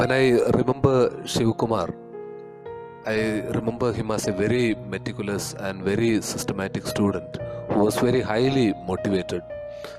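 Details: Adult male speaker; typical speech.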